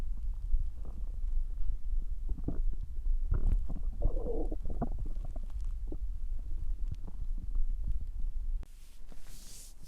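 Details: Continuous low gurgling and rumbling from the belly of a resting dog: normal stomach growling (borborygmi).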